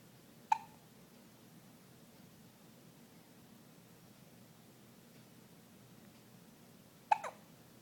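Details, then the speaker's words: Young child with hiccups: two abrupt, brief throaty clicks about seven seconds apart in a quiet room. "Say hey to Grammy. Tell her I got the hiccups."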